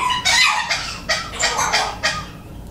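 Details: Pet bird coughing: about six short, sharp, high-pitched bursts in quick succession, like small coughs.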